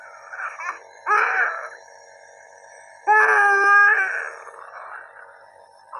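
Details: Young child crying in loud, drawn-out wails with softer whimpers between, while receiving a nebulizer treatment through a mask at home; crying.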